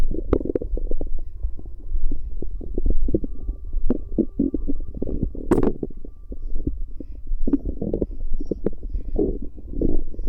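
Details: Bowel sounds recorded close to a pregnant woman's abdomen: low, irregular gurgles and rumbles with brief clicks and squelches (stomach gurgling).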